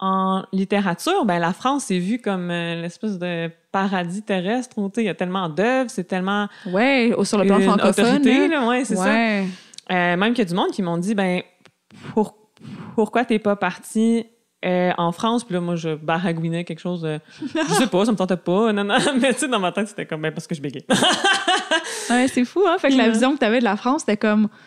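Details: Adult woman who stutters, diagnosed at age 7, with a family history of persistent stuttering; she masked it until about age 21; stuttering.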